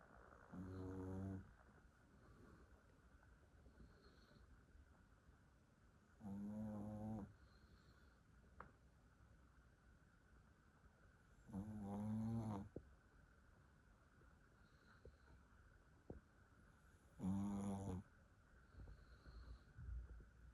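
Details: Dog snoring loudly in sleep: four loud, rattling snores on in-breaths, roughly every five seconds (about 11 a minute), with quiet breathing between.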